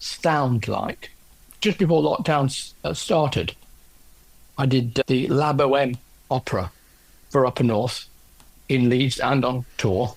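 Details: Aphasia in an adult male orchestral percussionist, 10 years after a stroke caused by a left middle cerebral artery blockage.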